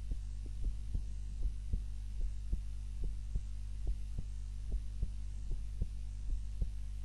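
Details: Own heart sounds recorded on a timer while napping, lying on the back (supine) rather than the usual face-down position: steady low thumping heartbeat about 76 a minute over a constant hum; normal heart sounds during sleep.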